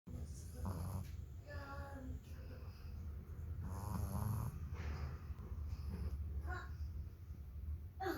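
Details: Lhasa Apso puppy snoring like a human: low rumbling snores during sleep, some with a whistling nasal edge, over steady room noise.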